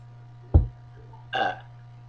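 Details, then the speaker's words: A low, sudden belch-like burst followed by a short voiced sound over steady room hum; burping in a self-declared burping contest. "oh okay well this is a contest anybody that can beat me we'll figure something out but anybody just comment on mine if you think you can beat me we'll have a burping contest and see what's going on"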